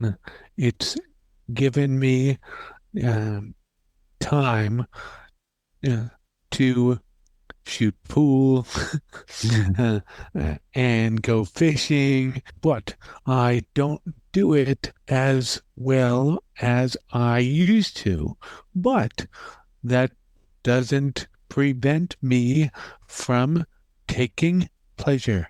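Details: Stroke survivor five years after the stroke who finds speaking very difficult; aphasia.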